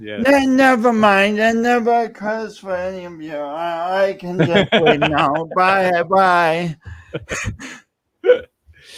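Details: Adult man speaking; speech impediment.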